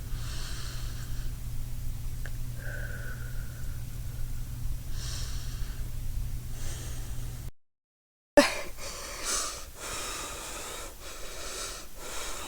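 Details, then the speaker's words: Person with asthma after a 5-minute run, taken 15 minutes after using a new inhaler; heavy, fast breathing, out of breath but without wheezing. "although I'm still breathless I noticed no I'm not wheezing. Um I am obviously still out of breath."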